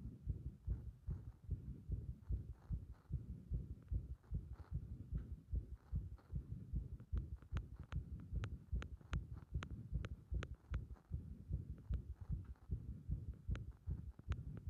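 Rapid heartbeat near 150 a minute with uneven spacing and loudness, heard through a stethoscope pressed to the chest; an irregular heart rhythm.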